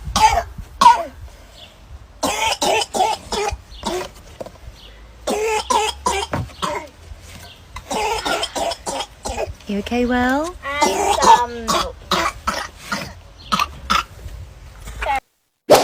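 Runs of rapid coughs in a child, broken by a long, high-pitched, crowing in-breath: the whoop of pertussis.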